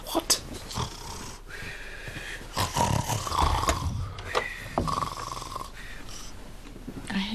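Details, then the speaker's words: Comedy TV scene in which an awake man fakes snoring ("just practicing"): rough, rattling snore-like noises mixed with room sounds and brief speech; imitated, not real, snoring. "you snoring but you're not asleep no just practicing"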